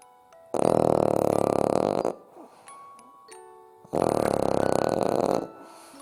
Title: French bulldog sleeping/snoring loudly